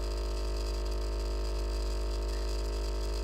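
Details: Steady low buzzing hum with fast, even pulsing from an AchedAway percussion massager running at level 5, its top speed, about 3250 strokes a minute.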